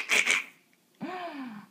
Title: Clara & Sneezes